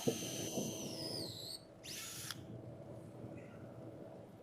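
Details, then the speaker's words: Robotic pedicle screw placement in spine surgery: a high-pitched high-speed burr whines in short bursts against bone at the facet, cutting a pilot hole, over operating-room noise. "drill again onto onto the bone i get the green there so i'm good back off a millimeter on with the drill to the end tap"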